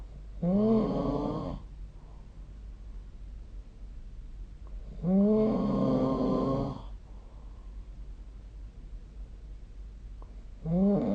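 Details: Sleeper recorded with the SnoreLab phone app: loud, rattling, voiced snores on each breath in, roughly one every five seconds, with quiet breathing between; typical snoring.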